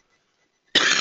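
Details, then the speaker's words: Brief, harsh, high-pitched rasping inspiratory breath sound imitating stridor, the noise heard in patients with upper airway obstruction. "Strider as I've already mentioned an inspiratory noise um that sounds like"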